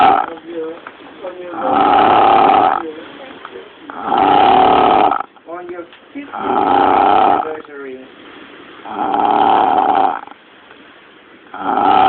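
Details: Close-up of an Eskimo, described as drunk: loud, rough, regular snores about every 2.5 seconds with quieter whistling nasal sounds between; heavy snoring.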